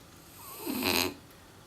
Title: French Bulldog Chikuwa snores A LOT!